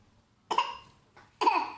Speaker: You're not real coughing. You have a fake cough.